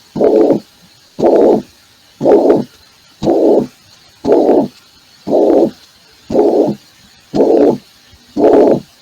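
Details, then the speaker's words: Steady blowing systolic murmur filling each systole at about 58 beats a minute, played as an example of mitral insufficiency in an internal-medicine valvular disease lecture; mitral regurgitation murmur. "vamos a ver los ruidos cardíacos de la insuficiencia vitral ya escucharon la estenosis vitral ahora van a ver lo que es insuficiencia de se escucha bien no es un soo de tipo sistólico"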